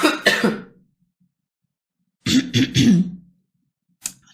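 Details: Girl with a bad cough and hoarse voice during a live stream: two short bursts of harsh coughing with throat clearing, then a brief final cough.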